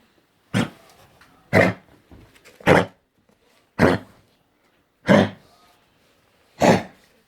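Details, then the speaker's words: Dog with suspected canine influenza coughing; six harsh, dry, honking hacking coughs over about seven seconds, roughly one a second. "Васенька, Вася, ти чого кашляєш? Ти кашляєш? Кашляет. Вася кашляет."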